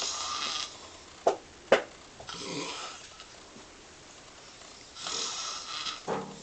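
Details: Raspy, fluttering snores on the breath in, with a couple of sharp snorts between them, in a quiet room; snoring during sleep.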